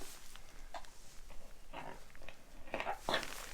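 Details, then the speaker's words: Newborn calf just pulled at delivery, straw inserted to provoke coughing: a few short, wet snorting coughs clearing audible birth fluid and slime from its lungs and throat. "Try to get some of the stuff out of his lungs. You can hear fluid in there. Hear him coughing that up."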